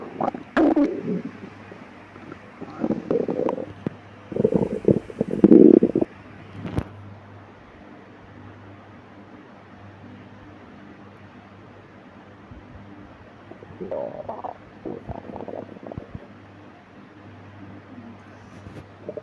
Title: stomach growling in the midnight